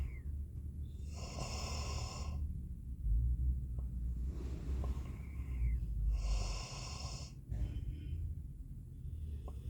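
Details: Sleeping Labrador dog snoring: two drawn-out, whistly, rasping snores about five seconds apart over low room rumble.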